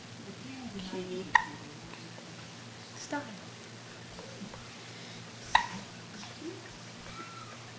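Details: Infant girl with hiccups, which often persist until she falls asleep: two soft, sharp hiccups about four seconds apart over quiet room noise.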